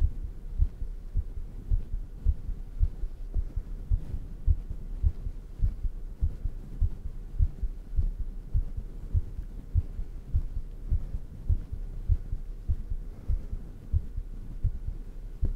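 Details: Own heartbeat recorded close up for ASMR, described as beating fast: quick low thumps, roughly 100 a minute, under a hum and soft breathing; a fast heartbeat.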